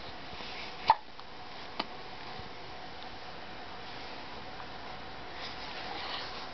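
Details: Infant girl: two short, sharp hiccups about a second apart in a quiet room; hiccups.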